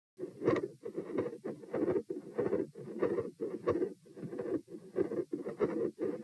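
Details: Heart sounds recorded at position P, sitting (96 bpm) and standing (108 bpm): a continuous machinery-like murmur that fades out.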